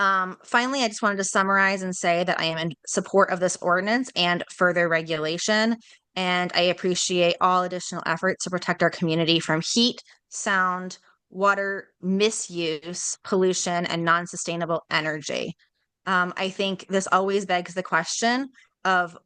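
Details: Adult woman speaking; Normal voice.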